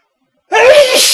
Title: dusty sneeze (male)